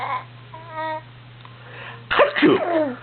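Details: Adult's sneeze, a soft sniffing build-up and a short sneeze, followed by an infant's delighted babbling laughter.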